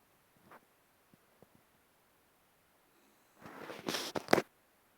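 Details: Sleeping West Highland White Terrier (Westie) giving a single noisy, snorting breath with a few rough bursts: snoring, human-like, normal during sleep.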